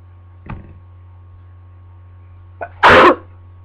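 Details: Short intake then one loud, sharp sneeze in a quiet room, from a lingering cold that won't go away.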